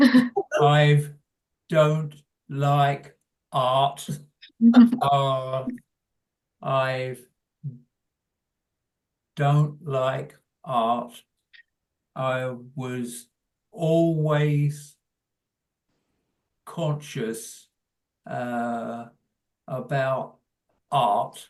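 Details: Adult man with primary progressive aphasia; hesitant speech; primary progressive aphasia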